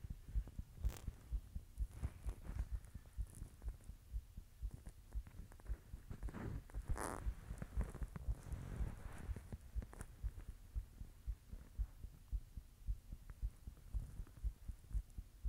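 Soft repeated thumps of a heartbeat with some rubbing noise, roughly 60 to 70 beats a minute; an ordinary heartbeat.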